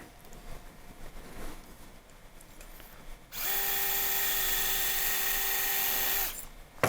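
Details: Quiet room noise, then about three seconds of steady high-pitched motor whine from a surgical drill at constant speed, drilling a tibial-side tunnel during combined ACL and anterolateral ligament knee reconstruction.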